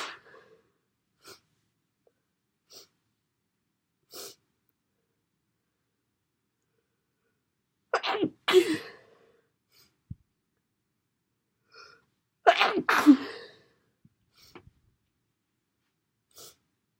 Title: Sneezes and blows